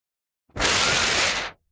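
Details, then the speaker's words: Simulated demonstration: single one-second rushing, fluttering hiss as air is blown between two close paper sheets, imitating turbulence in a narrowed, relaxed night-time throat; snoring mechanism demonstration. "And you see a sound is immediately created that's caused by the turbulence here in this case with the air on the river."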